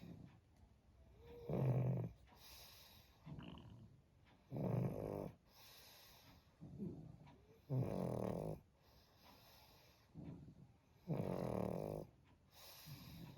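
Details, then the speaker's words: Pug lying asleep, with loud, low, rattling snores on each breath in (about four in 13 seconds) and quieter snuffling breaths out between them. Snoring. "Tintin, Tintin, তুই নাক ডাকছিস? হুম, কিরে, তোর না ঘর পাহারা দেওয়ার কথা, শুয়ে শুয়ে নাক ডেকে যাচ্ছিস?"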